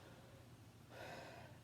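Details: Normal breath sounds heard by stethoscope on a patient breathing during a lung auscultation demonstration: a single soft, airy breath, a quiet inhale then a fuller exhale, consistent with normal deep breathing.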